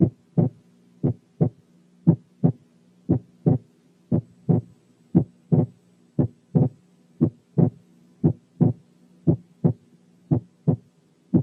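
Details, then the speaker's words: Normal inspiratory splitting of the second heart sound, S2 splitting on inspiration; regular paired heart sounds near 58/min; quiz case from an auscultation teaching recording. "الحالة الثالثة كانت normal inspiratory splitting of the second heart sound in"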